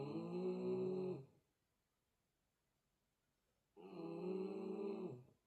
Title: Small Dog Snoring Like A Truck!!! #snoringdog